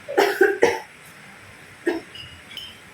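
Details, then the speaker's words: Simulated nursing demonstration of effective coughing by an 18-year-old woman: after deep breaths, she holds the third breath and then coughs. A quick series of three forceful coughs, then one more, to clear airway secretions. "tarik napas lagi tahan lalu keluarkan yang ketiga Ibu tarik napas tahan lalu batukan"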